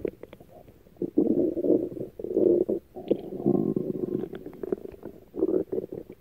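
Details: Low gurgling, bubbling rumbles of stomach growling (borborygmi) in several bursts with brief quiet gaps between them.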